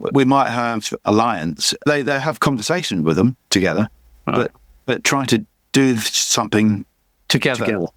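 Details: Adult man with chronic aphasia after a massive stroke about 11 years earlier; he still cannot read or write and says his speech is not great; aphasia.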